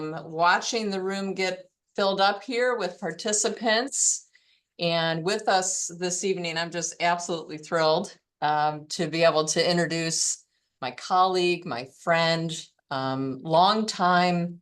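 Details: Fairly classic adductor laryngeal dystonia without vocal tremor, with intermittent voice stoppages and a strain-strangled voice quality.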